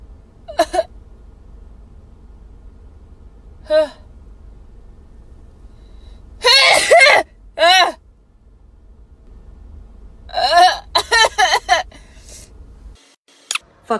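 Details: Several sharp sneezes and gasping breaths in a row, set off by a nasal swab during a Covid-19 test; normal reflex to nasal irritation.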